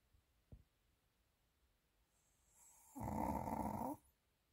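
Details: Pomeranian dog snoring while lying down and falling asleep.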